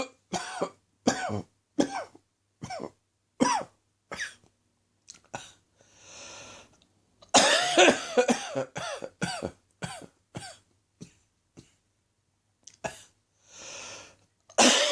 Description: Less than an hour out of bed and my chest is playing up already.